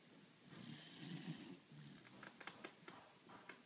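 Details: Beagle, described as a heavy snorer, asleep: soft rough snoring breath followed by a few short snorting clicks in a quiet room; snoring.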